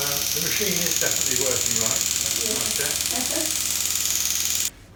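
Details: Rapid, steady clicking pulses, about four a second, over a high hiss, stopping abruptly: second shockwave therapy session on an adult woman's Achilles tendinitis at the heel insertion, with partial tears seen on ultrasound and swelling, after a CrossFit competition.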